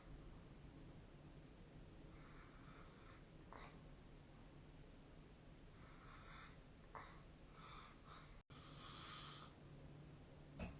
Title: 🐽 本日のイビキ / Snoring Sleep Sound 2025/03/18